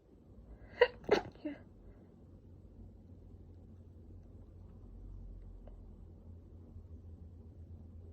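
Two quick sneezes close together with a small trailing sound, then a quiet room.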